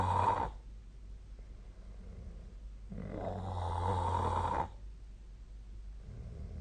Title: 🐽 本日のイビキ / Snoring Sleep Sound 2025/02/08